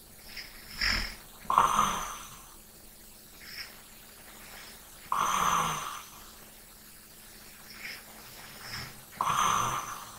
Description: ASMR SNORING / LIGHT BREATHING. RELAX AND FALL ASLEEP TO THE SOUND OF SNORING.